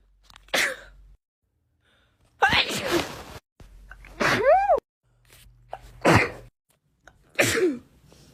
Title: Natural sneezes